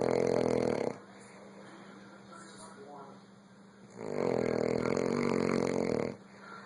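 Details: Elderly man (grandpa), very tired, snoring in sleep: two loud, rough, buzzing snores separated by a quieter out-breath, about a four-second breathing cycle.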